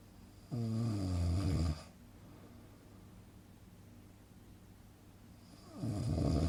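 Two loud, low, rattling snores on breathing in, about five seconds apart, with quiet breathing between; steady rhythmic snoring of a sleeping adult.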